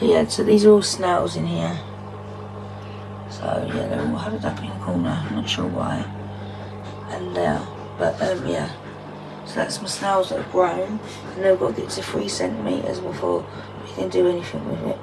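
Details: Woman with muscle tension dysphonia (very tight, stressed muscles around the vocal cords), also affecting swallowing, severe at times, attending speech therapy.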